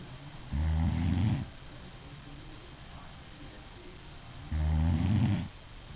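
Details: Sleeping adult woman, filmed by her husband, with two loud, low, rattling snores about four seconds apart and quiet breathing between; snoring.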